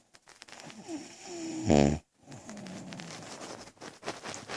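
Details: Person snoring while snuggling: one loud, buzzing snore amid soft rustling and low background noise; snoring.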